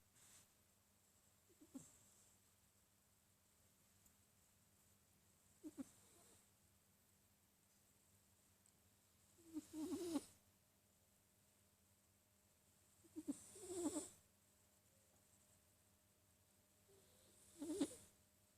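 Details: A sleeping Sphynx cat gives about five soft, quiet snores at roughly 15 breaths a minute; snoring.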